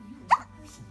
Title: always has the hiccups! (2)